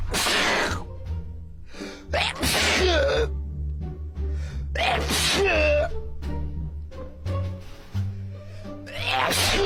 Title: Ranking Funniest Sneeze Moments